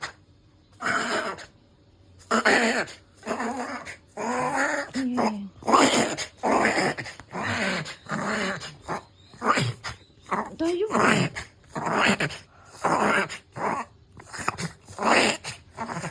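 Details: Pug-poodle mix dog makes rapid, repeated loud snorting inhalations: a reverse sneezing episode.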